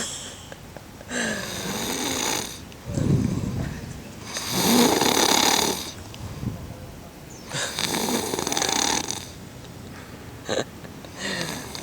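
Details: Leo snoring: rough, rattling snores about every 3 to 4 seconds, roughly 17 breaths a minute, in a quiet room; snoring.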